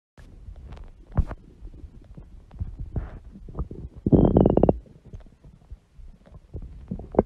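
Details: Loud gurgling and rumbling bowel sounds with a long squeaky growl midway from a woman's large belly; stomach growling (borborygmi).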